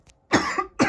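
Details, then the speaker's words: An adult in an ongoing coughing spell gives a harsh, loose cough followed by the start of another. "Oh Jesus, I sound like Doc Holiday"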